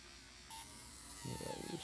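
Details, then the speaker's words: Piezo dental scaler in use on a dog's teeth during a dental cleaning without anesthesia, a thin, steady high-pitched whine starting abruptly with buzzing contact noise; said to vibrate less and not heat up, unlike ultrasonic scalers. "this is called a pazo scaler Works off a little bit different linear pattern than what the Ultrasonics works so it's less vibration and uh it doesn't heat up"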